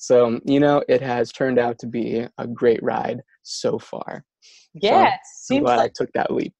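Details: Stuttering in an adult man who stutters, with words and syllables getting stuck.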